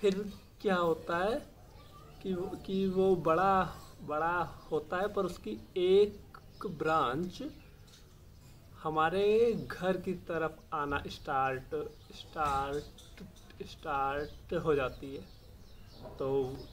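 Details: Adult male speaker (Hindi); Stuttering (stammering).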